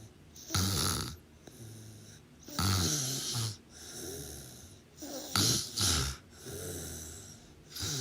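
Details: Sleeping person: loud, rattling snores with snorting, noisy breaths between them, about 22 breaths a minute, somewhat irregular; snoring.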